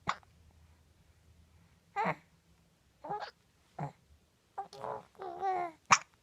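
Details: 4-month-old infant with hiccups daily, usually several times a day: short, abrupt vocal bursts about a second apart in a quiet room.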